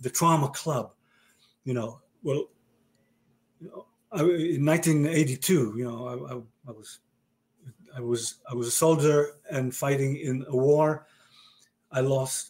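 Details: Male stroke survivor with aphasia following a stroke about 30 years earlier: real, chronic post-stroke aphasia.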